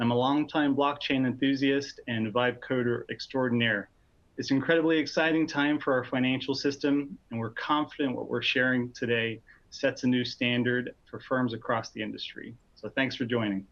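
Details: Adult male speaker; ordinary speech.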